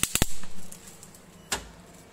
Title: portable picsecond laser machine